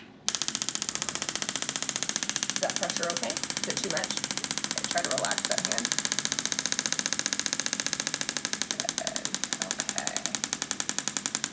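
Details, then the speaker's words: Shockwave (pulse wave) therapy for carpal tunnel syndrome, applied with gel over the wrist: rapid steady clicking about 220 per minute with brief talk underneath; the device clicks during treatment. "so this is going to make a clicking noise during the treatment"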